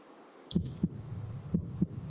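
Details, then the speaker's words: Example recording of normal heart sounds played in a fibromuscular dysplasia lecture, in contrast to a bruit over stenosis: crisp, regular lub-dub through a stethoscope, with no whooshing between beats. "this is our normal heart sound and you'll see that those are pretty crisp sounds that we're appreciating"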